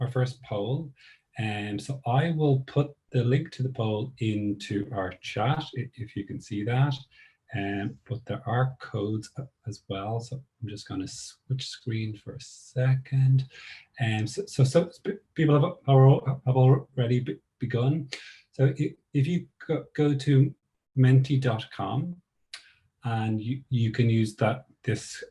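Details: Stammering (stuttering) in an adult who describes himself as a person who stutters; real spontaneous speech.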